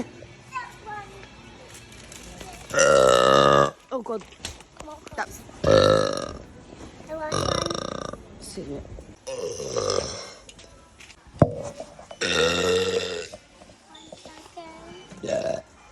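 Several long, loud, voiced belches with chatter and laughter around them. Repeated belching.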